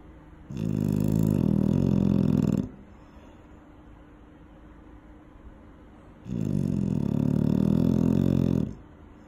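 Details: Eight-month-old dog sleeping near a safety barrier: two long, loud, rumbling snores with a quiet pause between breaths.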